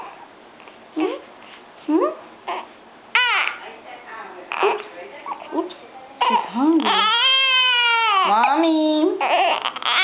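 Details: Short fussy whimpers building into sustained, rhythmic wailing from a 9–10-day-old newborn girl; a hunger cry.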